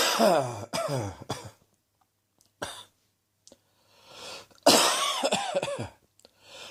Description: Yes folks, it's September and - right on cue! - I started sneezing on the 1st, started with a sore throat on the 2nd and the cough has arrived on the 3rd!